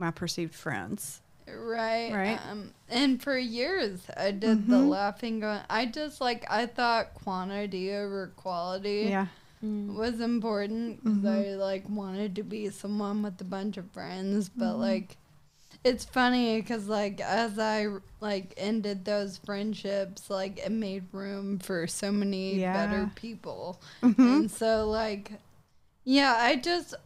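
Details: 26-year-old woman with Friedreich's ataxia, a progressive genetic nervous system disease diagnosed at age 18, also affecting her hands, now a wheelchair user, speaking in a real interview; ataxic dysarthria (Friedreich's ataxia).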